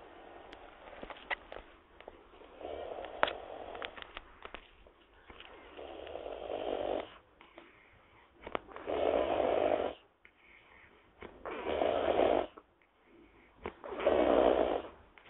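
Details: Sleeping wild boar snoring: rhythmic rough snores at roughly twenty breaths a minute, with faint background noise.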